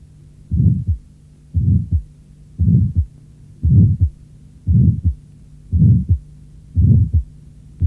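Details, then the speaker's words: Innocent systolic murmur heard at the apex, second right intercostal space and neck, surprisingly loud in the neck despite low intensity; audio from a 1981 cardiac auscultation teaching course. "L’intensité du souffle dans le cou est surprenante."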